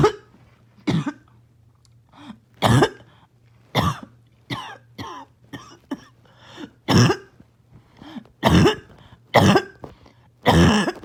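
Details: Choking, barking cough started by an itchy nose and throat: about eight harsh, explosive coughs over eleven seconds with strained throat sounds between.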